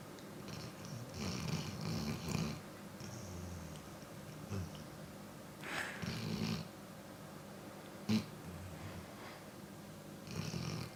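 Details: Snoring during sleep after a long day of playing outside: low, rattling snores with soft snorts in a steady breathing rhythm over a noisy background.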